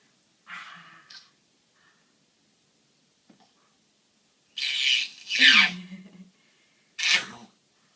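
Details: Infant at a chiropractic visit for reflux, constipation and crying, temperature 96.6: a small soft sneeze, then two sharp sneezes with a brief vocal sound between; ordinary sneezing.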